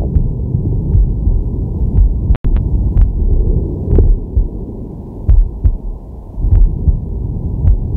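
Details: Man's heartbeat and breathing via digital stethoscope on the chest while relaxing/sleeping: deep, steady two-part beats in regular rhythm with slow deep breathing underneath; normal heart sounds.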